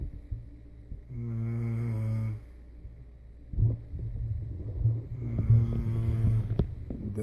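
Low, rough, rattling breaths during sleep with a deep vibrating tone, against room and engine-like rumble; snoring.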